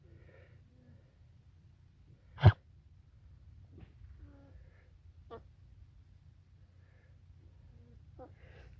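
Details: Single sharp explosive cough from a young alpaca on a farm, over a low hum with faint animal sounds; keeper unsure whether something was stuck in its throat, and it was still coughing an hour later but recovered by evening.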